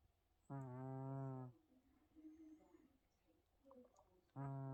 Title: Tippy the cat snoring and Twitching